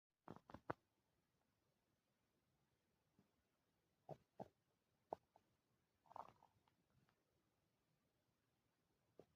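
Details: Empty stomach growling after two days without food, recorded on a phone: short scattered gurgles and squelching pops from the belly in a quiet room; borborygmi.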